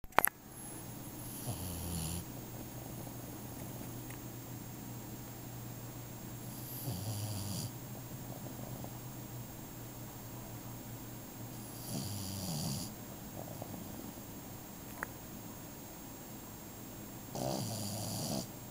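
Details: Sleeping Boston Terrier: slow, regular snorting snores, about one breath every five seconds, over steady room hum; snoring.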